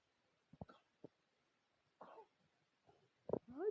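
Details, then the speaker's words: Cough in a pet named Miranda: several brief, dry, hacking coughs in short bursts, owner suspects she may be faking it, with a brief human voice at the end. "es que vean como trata de engañarme con su tos"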